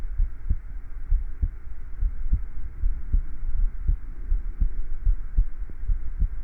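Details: Self-recorded heartbeat: steady, low lub-dub at roughly 70 beats a minute over a soft hum; normal heart sounds.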